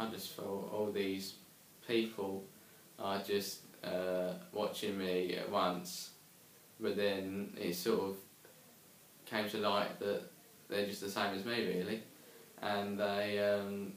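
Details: Young man who stammers and attended an intensive group therapy course for stammering; stammering.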